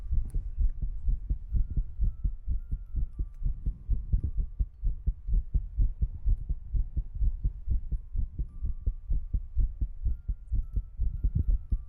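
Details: ASMR recording with tongue clicking and ear-cleaning sounds: steady, muffled low heartbeat thumps, fairly fast at roughly 128 a minute, faint steady tone behind.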